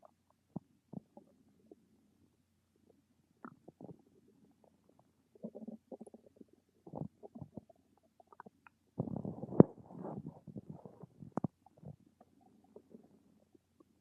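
Soft, irregular gurgles and low rumbles with a louder gurgling burst near the end; ordinary stomach rumbling from gas and fluid moving through the bowel.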